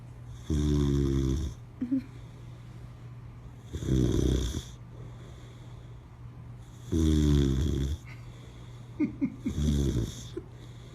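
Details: Boxer dog snoring while sleeping with eyes open: four loud, deep, buzzing snores roughly every three seconds over a steady low room hum.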